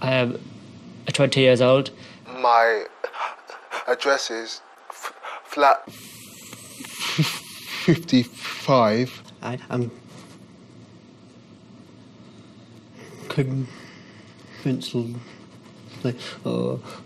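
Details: Stuttering (stammering) in a 20-year-old male new student of a four-day McGuire Programme course, recorded before the course begins, without treatment yet.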